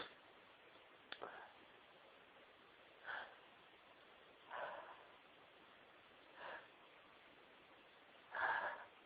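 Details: Woman who has been very sneezy all day: five short, sharp nasal bursts about every two seconds in a quiet room; repeated sneezing.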